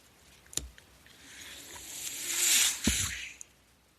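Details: Speaker's own mechanical ventilator during a podcast recording: a soft rising and falling airy hiss of the delivered breath, framed by faint mechanical clicks, mechanical ventilator noise.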